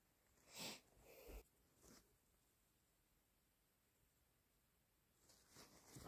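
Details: Induced sneezing on waking with an itchy, slightly stuffy nose still sensitive from a lingering cold: two sharp sneezes in quick succession, then a softer sniff and a snotty nose blow.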